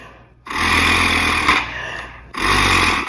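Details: Exhalation through an oscillating positive expiratory pressure (PEP) airway clearance device, demonstrated for clearing phlegm.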